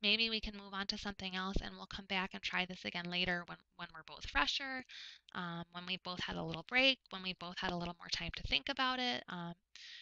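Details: Adult female speaker; typical speech.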